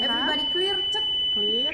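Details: Zoll AED Pro in manual mode, charged during a demonstration: a steady high-pitched charge-complete tone over a calm voice, signalling the shock is ready and everyone must stand clear.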